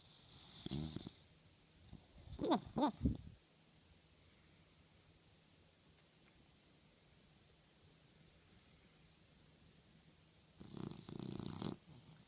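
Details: Small toy dog asleep and dreaming on a pillow, lightly snoring: a few short snorting, fluttering breaths, then a long quiet gap before another rough breath.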